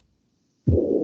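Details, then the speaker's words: A holosystolic murmur of mitral regurgitation, a blowing murmur lasting throughout the whole left ventricular contraction, played as a recorded example. "si es un soplo o los historia para toda naciste en el momento que está pasando la sangre al lado al extremo al momento que se contrae el ventrículo izquierdo y pasa a la sangre al aorta es a resurgir acción es a lo largo de toda la contracción"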